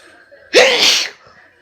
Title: Hay fever sneezes while trying to study in Starbucks